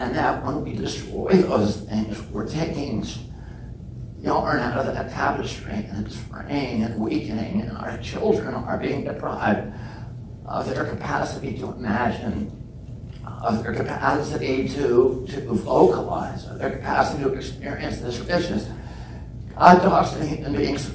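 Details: Real adult man with spasmodic dysphonia (he calls it spasmodic dystonia), onset at age 42 after a previously strong voice; he reports symptoms lessen or go away after speaking a while, and it is not painful. Finding: spasmodic dysphonia.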